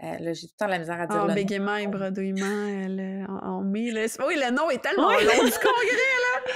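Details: Adult woman speaking French; typical speech.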